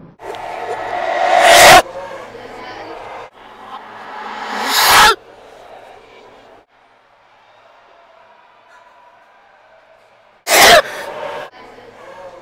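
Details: Two people sneezing: three loud, abrupt bursts, each following a rising inhaled build-up, with quiet room noise between.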